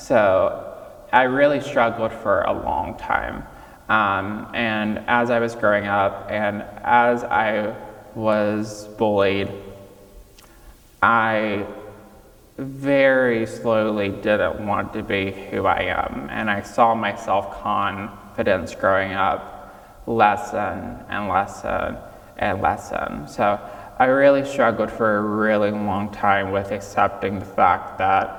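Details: 26-year-old man with childhood apraxia of speech, diagnosed at age five, nonspeaking until age five, treated with speech therapy five times a week; childhood apraxia of speech persisting in adulthood.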